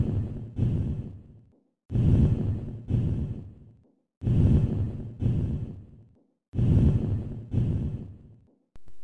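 Soft, low rustling breaths, with inspiration running straight into a fading expiration and no gap: normal vesicular breathing.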